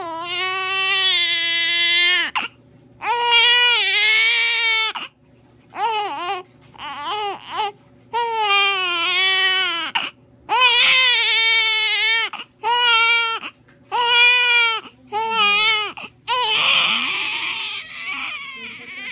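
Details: Loud, high-pitched infant crying in long wails broken by breaths, trailing into whimpering at the end: an ordinary baby cry.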